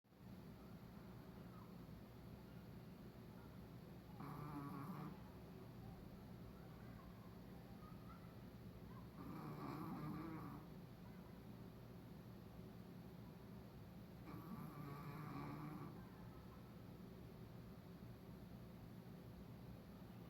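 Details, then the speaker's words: Pet dog loudly snoring: rhythmic rumbling snores about every five seconds, roughly 12 breaths a minute, over steady room hum; snoring. "Это что за храпюшкин? Это что за храпюльник? Ты храпюльник?"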